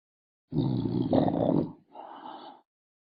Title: snoring like teenagers